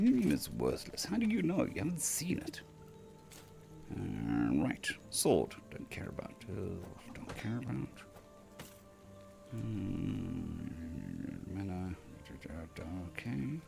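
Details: Male patient recovering from vocal cord surgery (day 2 of recovery), cords mostly healed but with lost strength and stamina, physiotherapy pushing the voice, laryngitis-like quality; dysphonia.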